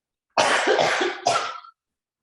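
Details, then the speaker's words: Quick run of about four harsh, noisy coughs from an adult woman, a professional triathlete and marathon runner, during a coughing fit mid-interview; she says she has been coughing like this all day. "I'm gonna get this under control yeah yeah that's okay that's okay that's okay wow yeah coughing like this all day"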